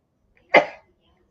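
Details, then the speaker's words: Single brief, sharp, voiced sneeze that fades quickly, from an adult during a live stream; speaker remarks it sounded fake but says that's how they sneeze. "bless you that sounded like that sounded fake that was a sneeze that's how I sneeze"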